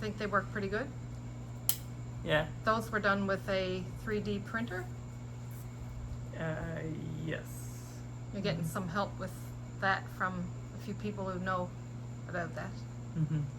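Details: Adult speaker in conversation; no speech disorder.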